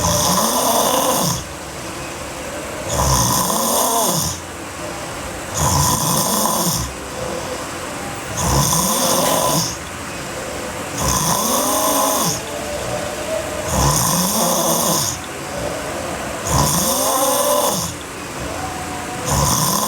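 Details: Sleeping girl snoring hard: loud, rough snores with each breath in, about 22 a minute, alternating with quieter breaths out.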